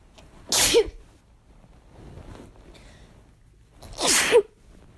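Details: Two forceful, explosive sneezes about three and a half seconds apart, brought on by chhinkni, with quiet breathing between; strong sneezing.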